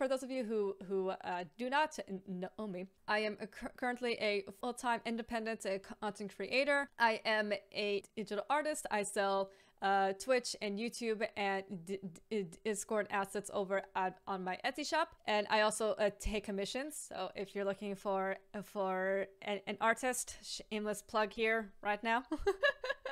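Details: Stuttering (stammer), real, in an adult woman with a lifelong stammer who is a stammer advocate.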